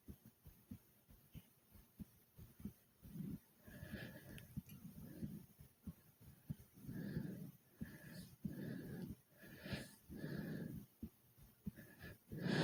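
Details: Heavy breathing and fast heartbeat after doing many jumping jacks; fast, rapid thumping heartbeat with deep, loud breaths about 30 a minute after exertion.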